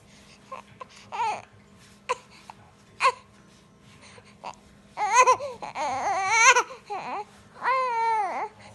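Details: Infant girl fussing after tummy time and exercise, wanting to be picked up while adults coax her to smile; short whimpers build into full wailing, an ordinary protest cry.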